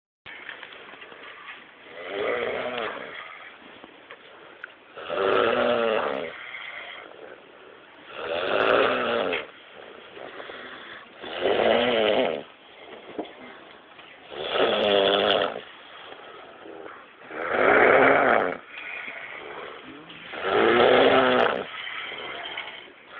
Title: Me Snoring VERY loud and hard I'm very tired